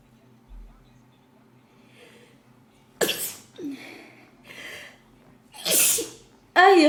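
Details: Summer sneezes: two sharp, explosive sneezes in a quiet room, each with a quick lead-in breath, then a brief vocal sound; ordinary sneezes.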